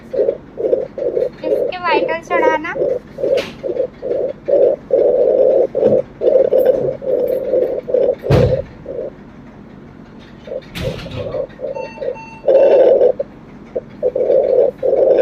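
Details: Rapid, regular whooshing fetal heartbeat heard through a fetal Doppler on the mother's womb, about 140 beats a minute. Finding: fetal heart sounds on Doppler.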